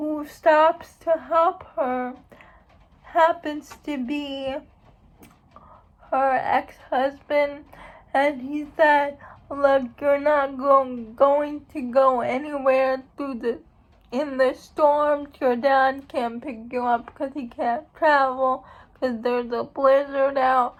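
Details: Dysarthric speech in an adult woman who states she has cerebral palsy.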